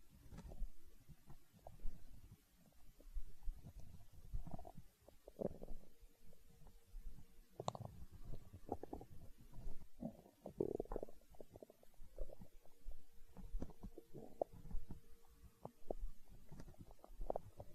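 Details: Hunger stomach growling: low gurgling, rumbling and bubbling throughout with a few drawn-out tonal groans; borborygmi.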